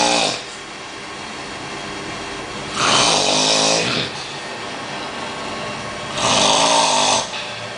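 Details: Man asleep in a massage parlor, snoring loudly: harsh, rattling snores on each breath, about two every seven seconds, over a steady background hum.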